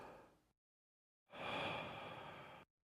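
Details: Respiratory examination OSCE, stethoscope chest auscultation: patient takes deep, steady breaths in and out with the mouth open, with smooth airflow noise and no added sounds. Normal breathing.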